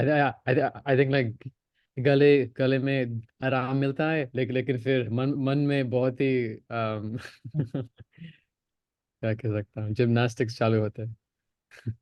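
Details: Stuttering (stammering) in an adult man in a stammering practice course who openly discloses his stammer and uses voluntary stammering; repetitions and fillers are heard.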